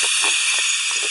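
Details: Ultrasonic dental scaler demonstrated on teeth, used in curette and club styles with multidirectional strokes to remove calculus: a steady high hiss of water spray with faint tool contact sounds.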